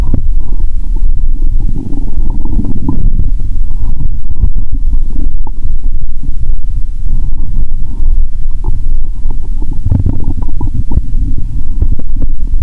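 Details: Very close recording of continuous deep gurgling and rumbling bowel sounds (borborygmi) from the belly of an adult, after drinking cola with Mentos.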